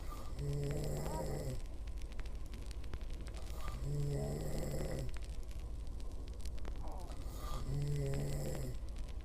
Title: my girlfriend snoring